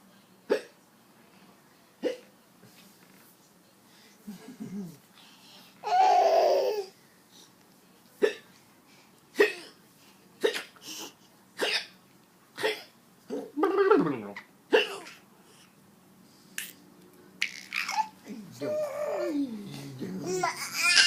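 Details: Baby hiccups: repeated short sharp hiccups about one every one to two seconds, with brief fussing and an adult's soft voice between.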